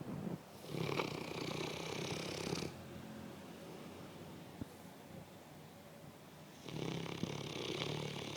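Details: Breathy, fluttering snores on two breaths with a quiet pause between them: snoring.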